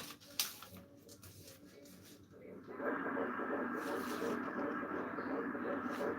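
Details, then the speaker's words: Pregnancy at about 13 weeks, home Doppler on the mother's belly: fast rhythmic whooshing pulses, strong, roughly 170 beats a minute; fetal heartbeat on Doppler. "guys hear that sound that's her baby's heartbeat if you guys could hear that strong little blogger"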